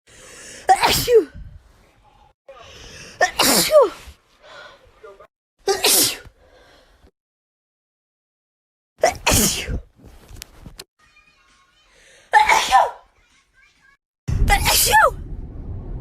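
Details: Six forceful, spraying wet sneezes, each with a sharp in-breath before, separated by quiet pauses.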